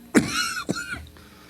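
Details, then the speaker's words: Adult man deliberately working on a "trademark cough": two short deliberate cough bursts; voluntary cough. "I'm working on this trademark cough what do you think um it's getting better too"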